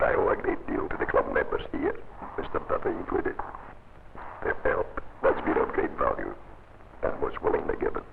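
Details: Adult male laryngectomee using oesophageal speech after laryngectomy and voice training, recorded in 1950.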